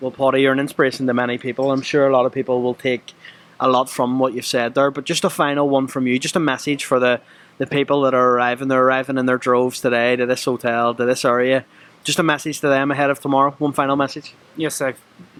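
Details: Adult male interviewer; no speech disorder.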